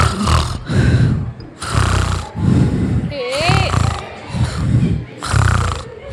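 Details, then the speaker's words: Imitated snoring acted by an adult in a stage skit: loud, low rattling snores repeating roughly once a second, with a brief whistle midway, mistaken by another character for a trumpet. "ಏ ಮೇರಿ ಅದು ಅದು ತುತ್ತೂರಿ ಶಬ್ದವಲ್ಲ Routh ಇದಾಳಲ್ಲ ಆಕೆ ಗೊರಕೆ ಹೊಡೆಯುವ ಶಬ್ದ ತುತ್ತೂರಿ ಶಬ್ದಕ್ಕೂ ಗೊರಕೆ ಶಬ್ದಕ್ಕೂ ಗೊತ್ತಾಗಲಿಲ್ಲವೇ ನಿನಗೆ"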